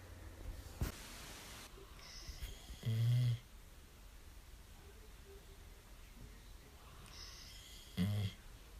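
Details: Two short, low, vibrating snores about five seconds apart in a quiet room, from a sleeping female dog that snores often; snoring.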